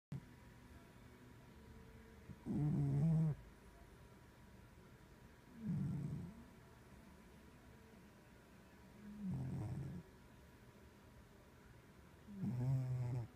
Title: Cat snoring